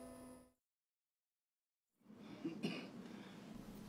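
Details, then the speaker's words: One or two short cough bursts from an elderly man with bronchiectasis, which is incurable; he has persistent thick sputum, a long-lasting cough and breathlessness and cannot easily walk 1 km. Productive cough. "감기는 아닌데 가래가 짓고 기침도 오래가고 호흡곤란 증상을 보이는 경우가 종종 있습니다 바로 기관지 확장증 때문인데요"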